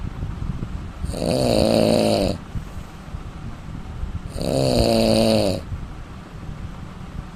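Two loud, rattling snores on breathing in, about three seconds apart, with quiet breathing between; ordinary snoring.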